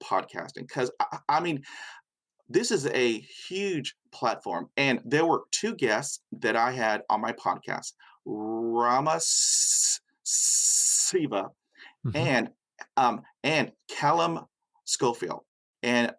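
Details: Man with persistent stutter acquired at age five after a dog attack with head injury, severe after a long period without speech; mother also stuttered as a child; stuttering.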